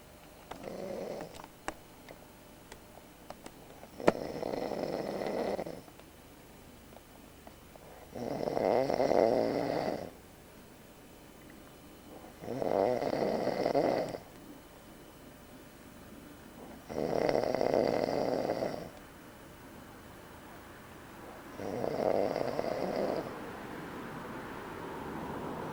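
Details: Loud, regular snoring from an adult man camping in Australia, about 14 snores a minute with quiet gaps between.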